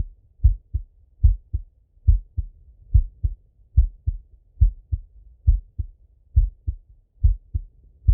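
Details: Adult male's own heart auscultated with a stethoscope, recorded sitting at a desk and lying in bed; normal heart sounds.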